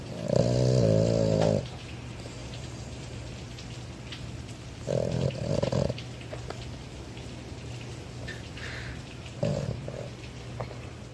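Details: Boston Terrier dog asleep with eyes open, snoring like a human: loud, low, buzzing snores, one long and a few shorter broken ones, over a steady low hum.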